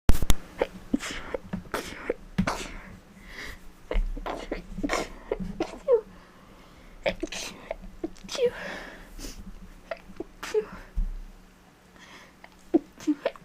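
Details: Adult with a cold, stated not fake: a rapid series of short, sharp sneezes in a quiet indoor room.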